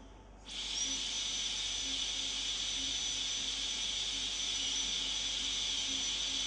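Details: High-speed dental handpiece with a fine-grit (red ring) bur cutting tooth interproximally during a molar crown preparation for a PFM crown; a steady high-pitched whine with a faint room hum.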